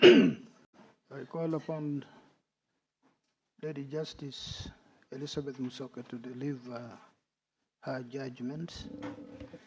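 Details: Adult male speaker in a room; normal voice.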